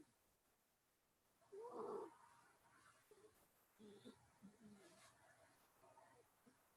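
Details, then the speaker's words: Snoring from Rusty, a sleeping pet: a loud, throaty, gargling snort, then quieter irregular rumbling breaths over faint room noise. "but you can hear rusty snoring i'm sorry"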